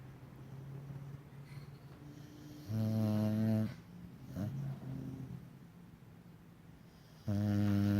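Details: Dog snoring in sleep: loud, rattling, low-pitched snores on two breaths, with quieter noisy breathing in between.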